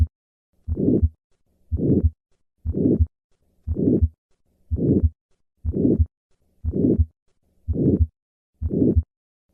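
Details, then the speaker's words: Gallavardin phenomenon: the diamond-shaped, late-peaking murmur of aortic stenosis heard at the cardiac apex with a higher pitch; adult aortic stenosis often arises from a congenital bicuspid valve, with the second heart sound possibly inaudible once the valve calcifies. "In some patients, the murmur of aortic stenosis may be heard at the cardiac apex with a higher pitch. This phenomenon was first described by Gala"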